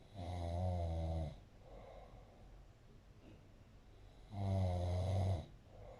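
Two long, loud, rattling low snores about four seconds apart, with quieter breathing between, in a small room.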